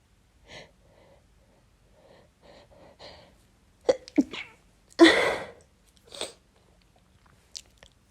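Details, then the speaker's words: Person who gets sniffly and sneezy when it rains, after overnight rain: several quick breathy inhalations building up, then a loud sneeze burst and a couple of smaller follow-up sounds. "clearly when it rains I do tend to get quite um sniffly Sneezy"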